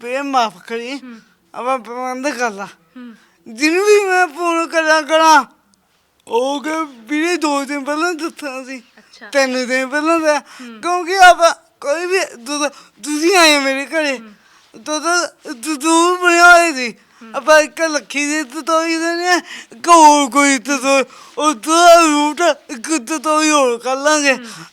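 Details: Stammering in a young man whose speech problem has been present since birth; he also has a disabled hand.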